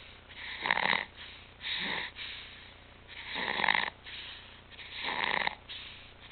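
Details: Stridor in a child whose apnea, stridor and retractions have returned after two good months, now back on apnea and pulse-oximetry monitors.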